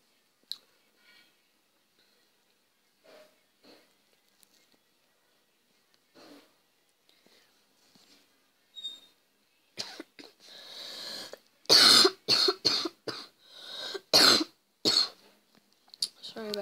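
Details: Faint scattered sounds, then a run of about eight loud, harsh coughs and throat clearing in the last seconds, from a gamer who says he is sick, recorded during gameplay commentary.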